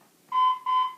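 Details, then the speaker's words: Training automated external defibrillator in a public CPR/AED demonstration: after electrodes are applied and the analyze button is pressed, two sustained electronic tones while everyone stands clear, simulated use, AED analyzing rhythm tone. "machine is going to take over it's going to tell me it's not my doing"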